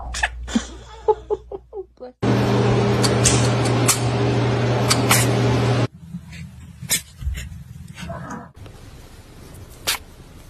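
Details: Kittens sneezing: several quick, high-pitched little sneezes, with a stretch of loud steady background noise.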